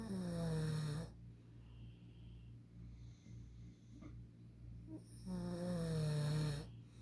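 Two long, loud, rattling snores on the in-breath, separated by a quieter pause. Typical snoring.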